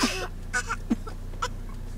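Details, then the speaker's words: Twin girls fake-coughing to get attention, copying their older sister, not sick: several short, light, deliberate coughs; voluntary put-on coughs. "They're choking. Are you choking? What? They're faking. I know. Are y'all faking? Are y'all faking it?"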